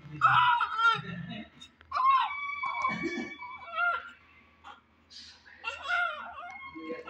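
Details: Strong, high-pitched crying in repeated wails with breaths between, from a newborn just delivered by C-section with an Apgar score of 7; a vigorous, healthy cry.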